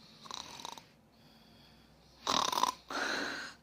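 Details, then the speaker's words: A wife imitates her heavy, overweight husband's intermittent snoring, which swings between very loud and silent. A soft rattling snore, a quiet pause, then two loud harsh snoring bursts. "而且我们家辉哥的呼噜声属于一阵一阵的，此起彼伏的，一会儿声音特别大，一会儿没有声音，就是这种的。"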